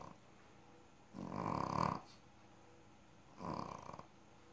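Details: A male rescue animal asleep, snoring very loudly: two rough, fluttering snores about two seconds apart with quiet breathing between.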